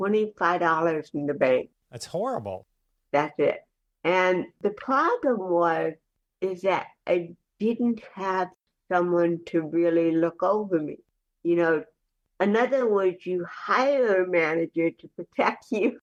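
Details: Adult woman with cerebral palsy speaking in a real conversational interview; dysarthric speech in cerebral palsy.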